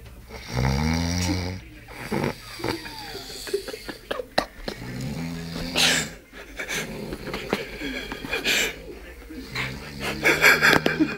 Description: Snoring after a hard days racing.